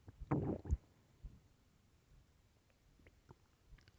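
One loud low growl at the start, then faint gurgles in quiet: ordinary stomach growling.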